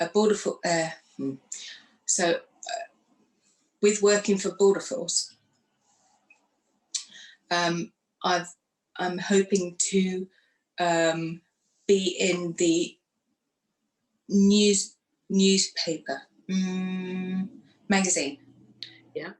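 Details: Woman who had a stroke after surgery in 2018 at age 44, lost her speech afterwards and now lives with post-stroke aphasia; aphasia.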